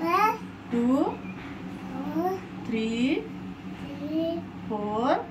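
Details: Child with cerebral palsy counting numbers aloud after homeopathic treatment; previously spoke only a few words, now a larger vocabulary: speech delay with articulation errors.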